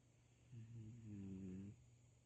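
A single low, droning, buzzy breath lasting about a second over quiet room hiss; a snore.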